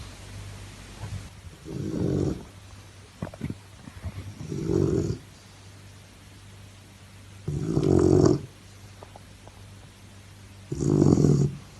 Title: Snoring sound sleep